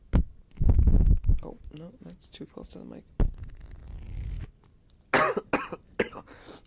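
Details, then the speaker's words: Adult on a livestream gives a short run of sudden, harsh coughs, then quieter voiced and breathy sounds and soft crisp mouth noises. "geez no why am i coughing"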